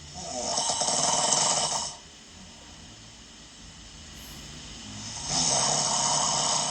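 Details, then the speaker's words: Severe snoring recorded from a patient who had snoring surgery: two loud, harsh, rasping snores about three seconds apart with a choking, strangled quality; partner says it sounds like being strangled. "옆에서 누가 목을 조르는 거 같은데? 저 처음 사귄 지 얼마 안 됐을 때는 금방 죽는 줄 알았어요."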